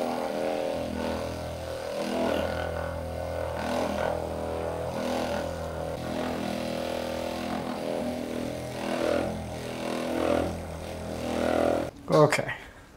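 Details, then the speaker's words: Massage gun run over a woman's upper back to loosen tight, stiff areas before a chiropractic adjustment for chest knots: a steady motor buzz with shifting pitch and faint background music. "we'll probably start right up here we'll do a little bit of massage gun here to loosen things up okay"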